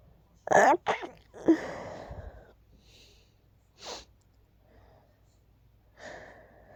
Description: Just a little tickle I had before falling asleep... not rapid this time 😅